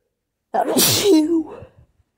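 One forceful voiced sneeze that trails into a short fading sound. An ordinary induced sneeze.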